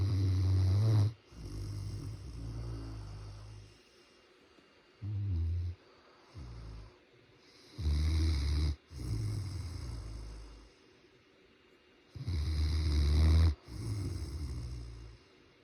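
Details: Great Pyrenees dog snoring while asleep: deep, loud rumbling snores, each followed by a softer breath, in slow repeating cycles.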